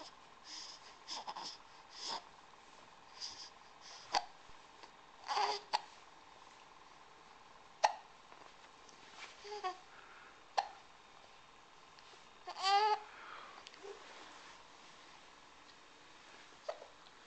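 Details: Baby sitting in his chair: repeated sharp, abrupt little gulps roughly every one to two seconds, mixed with soft babbling, recorded on a Flip Video camcorder; ordinary infant hiccups.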